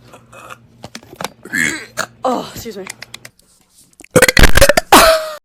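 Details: Compilation of burping: brief talk, then a run of loud, deep, rumbling burps in quick succession.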